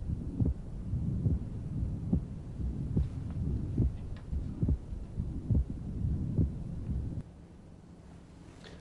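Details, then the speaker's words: Paradoxical splitting of the second heart sound: regular heartbeat ~71/min with faint breathing, S2 splitting on expiration; commonly seen in elderly women with severe systolic hypertension, where sublingual nitroglycerin can abolish it. "one of the more common places that I see it is these little old ladies with severe systolic hypertension and that's paradoxical splitting"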